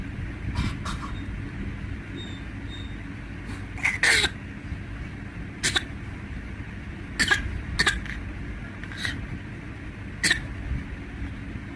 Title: खांसी कैसे होता है baby acting !!#shortvideo #cutebaby #youtubeshorts #cute